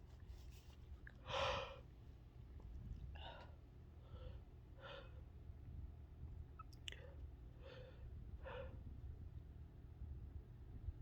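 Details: Induced sneezes: one sharp, louder sneeze, then several softer, breathy sneeze-like bursts in a quiet room; repeated sneezing.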